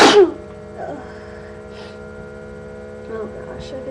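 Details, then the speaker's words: One sharp, loud sneeze followed by quiet room sound and faint breathing; a person sneezing all day from allergies, trying to hold sneezes back. "I've been sneezing all day. I'm not gonna sneeze anymore."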